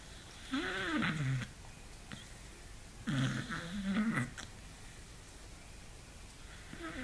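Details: Sleeping beagle snoring unusually loud and long: two loud, rough, partly tonal snores about a second each with quiet pauses; snoring.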